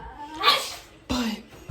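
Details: A deliberately faked sneeze made as a prank: a drawn-in breath rising into a voiced burst, then a second shorter burst. Imitation, not a real sneeze.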